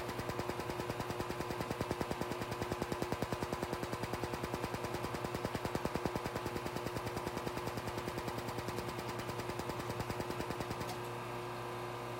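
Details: Laser Genesis skin treatment under the eyes of a female client wearing protective goggles, to heat skin for fine lines and wrinkles: fast, very regular clicking laser pulses over a machine hum, stopping near the end.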